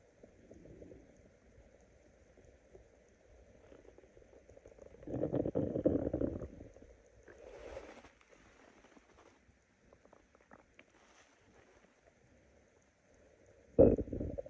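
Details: Stomach growling (borborygmi) from hunger: low gurgling rumbles that swell and fade over several seconds, with a sudden louder growl near the end.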